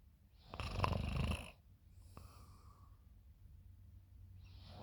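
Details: Person snoring in the morning, recorded by a friend: one loud, rough, low rattling snore on breathing in, then quieter breathing with faint room noise.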